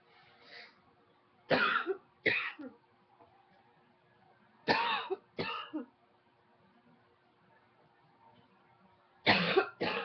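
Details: Six sharp, fairly dry coughs coming in pairs, separated by quiet pauses.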